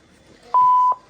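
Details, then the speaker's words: A single steady electronic tone, under half a second, in a quiet room: the power-on beep of a Zoll X Series defibrillator monitor after its green button is pressed. "So, to turn the monitor on, you're going to push the green button on top. It's going to fire up, give you lights here,"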